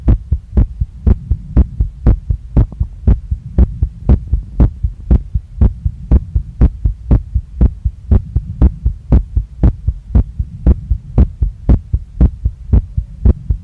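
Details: Female heartbeat recorded right after a workout, felt strongly in chest, neck, face and stomach with visible chest movement: fast, strong, regular pounding at about 118 a minute over a low hum; rapid heartbeat after exercise.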